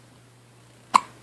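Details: A single sudden, sharp hiccup from a young baby in a quiet room, during a bout of baby hiccups.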